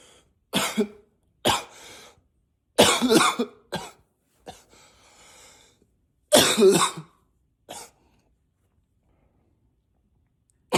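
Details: Acted, voluntary coughing, sometimes deliberately in a deeper voice: about six separate deliberate coughs with quiet gaps, some pitched deeper.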